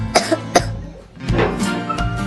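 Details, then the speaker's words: Girl asked to cough while a doctor-parent demonstrates a stethoscope on her chest to schoolchildren: several short voluntary coughs with background music; lungs then judged normal, nothing found. "Aciyərdə qulaq asmaq üçün bunu qoyuruq. Çürəyindən sağ tərəfə öskür qızım."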